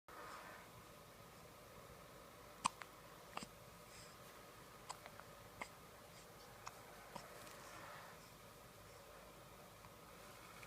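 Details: Short, sharp, soft hiccup clicks repeat about seven times in roughly eleven seconds in a quiet room: baby hiccups.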